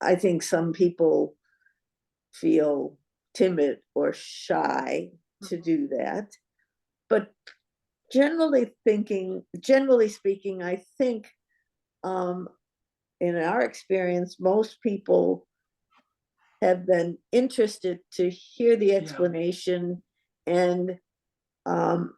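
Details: Adult woman speaking; normal speech.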